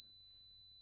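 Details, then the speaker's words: Steady, high-pitched 4000 Hz pure tone, the frequency used to check for noise-induced hearing loss, played as a hearing test. "지금부터 소리를 하나 들려드릴 텐데요. 이 소리가 바로 소음성 난청을 판단하는 4000Hz입니다."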